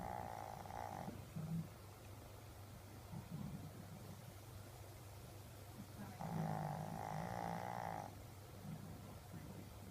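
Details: Low rumbling snore on two breaths about six seconds apart, with soft snuffles between, over steady room noise; snoring.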